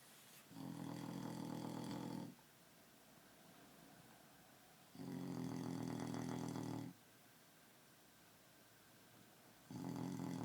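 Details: An adult man asleep, snoring very loudly: regular rattling snores on each breath in, about 13 a minute, with quiet breathing out between them.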